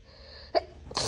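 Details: A single sneeze induced with a Q-tip by someone not naturally sneezy, after a cleaning product, probably Clorox, burned the nose: a short sharp burst, then a louder noisy rush at the end.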